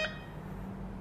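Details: One short electronic beep, then low room hum: a button press while programming an infusion pump, setting total volume to 500 and drip rate, in a nursing demonstration.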